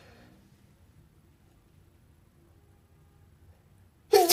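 Near silence, then one sudden sharp sneeze at the end.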